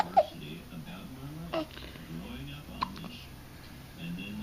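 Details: 3-week-old baby girl with hiccups during tummy time: three short, sharp catching sounds at irregular intervals over soft baby fussing and room noise.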